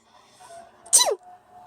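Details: Baby sneezing: a single sharp, hissing sneeze burst after a quiet inward breath, against soft background noise.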